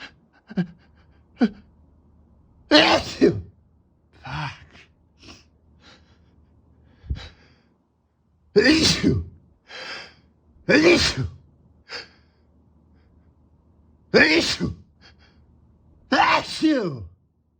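Several forceful sneezes in a row with catching breaths between, in a quiet room; repeated allergic sneezing.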